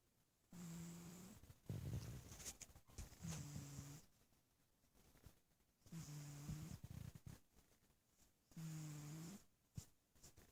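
Four rhythmic low buzzing snores with soft breaths between them, about 23 a minute, from a sleeping cat; snoring.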